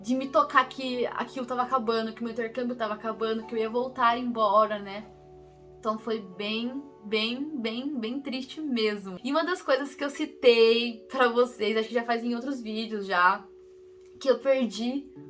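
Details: Portuguese-speaking woman who stutters, with part-word and word repetitions; stuttering.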